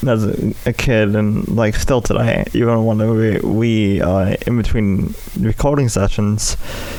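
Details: Dysarthria in an adult male with cerebral palsy affecting the right side of his body, including right arm and leg, which he says causes his speech impediment.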